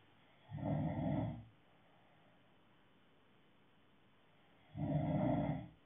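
Two low, rumbling snores about four seconds apart, with quiet between them; ordinary snoring.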